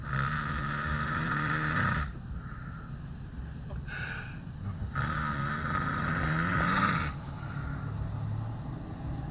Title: Horrible Snoring